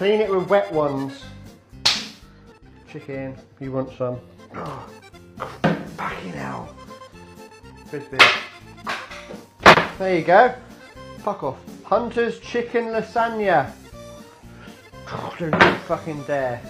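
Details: Person with Tourette syndrome whose involuntary vocal tics of random words and phrases interrupt talk while cooking; vocal tics.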